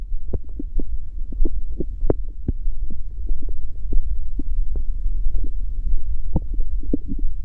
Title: Stomach growl. Gururururu... The sound won’t stop.